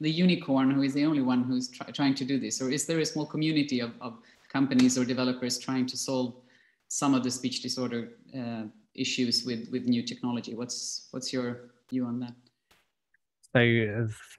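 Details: Adult male speaker; normal speech.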